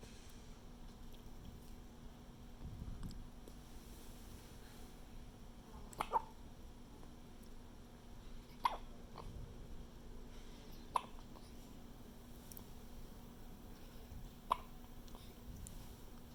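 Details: Brief, sharp, involuntary hiccups recurring every few seconds in a quiet room with a steady low hum.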